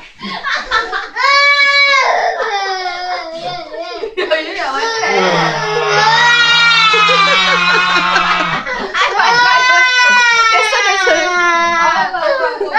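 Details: Young child crying loudly after her uncle jokingly scared her wearing a face mask pack; high-pitched wailing in long sobbing bursts, adult voice in background; frightened crying.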